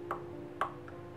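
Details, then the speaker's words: Person with Tourette syndrome, full-blown since seventh grade after strep throat, makes two sharp, hard clicks about half a second apart by snapping the teeth together, his biggest motor tic. "lots of tics the biggest one being clicking my teeth like this"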